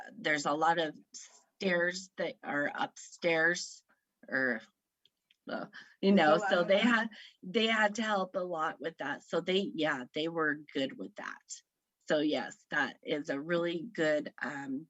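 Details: Aphasia in a woman about 3 years after a stroke at age 38 (September 2018) that affected her right side.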